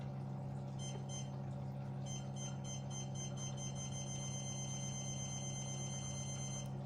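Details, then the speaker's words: CO2 fractional laser firing from a skin-resurfacing/acne handpiece in point-by-point pattern: steady machine hum with rapid regular electronic pulses, about three per second; lowering the parameter makes shots faster. "So this is how this part works. So if we lower this parameter it will short more faster is the frequency."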